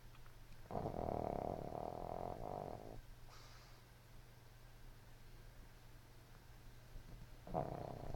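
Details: Soft fluttering snores from a sleeping, dreaming puppy, with a long rattly breath and then a shorter one; light snoring in sleep.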